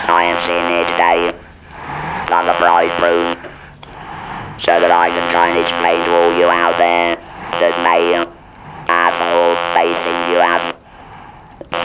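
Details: Man speaking with an electrolarynx after total laryngectomy and radiotherapy for laryngeal squamous cell carcinoma; buzzing artificial-larynx voice; electrolarynx speech after laryngectomy.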